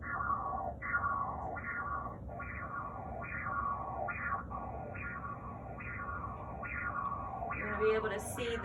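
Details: Pulsed-wave Doppler of the proximal common carotid artery, gate centred in the vessel, angle 30–60°, clear spectral window: regular pulsing whooshes about 70 a minute, a sharp systolic rise fading into softer flow. This is a normal carotid signal.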